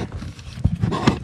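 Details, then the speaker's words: A dog sleeping in the back of a canoe, snoring: brief low, rough fluttering breaths over faint outdoor background noise. "hear him snoring yeah he's out"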